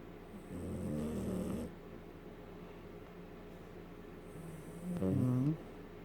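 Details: Small female border terrier, tired and sleeping, gives two long, rattling snores a few seconds apart over quiet room noise; ordinary dog snoring.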